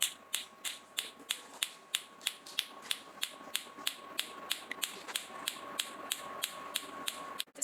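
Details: Sharp, evenly spaced snapping clicks about three per second over a faint hum: a picosecond laser firing during a carbon peel, applied carbon on skin, laser pulse clicks.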